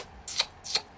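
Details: Stuttering-associated tatting sound, demonstrated by a male who made it as part of his stutter after struggling to get words out. He earlier went through a phase of a pig-like sound, and his stutter got very bad between year 11 and year 13.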